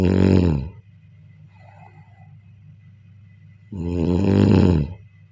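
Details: Loud, rough, low snores with a long quiet pause between, two in about five seconds, in a quiet room during sleep: snoring.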